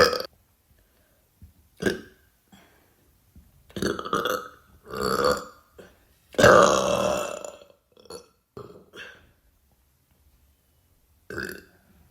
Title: Gurgly burps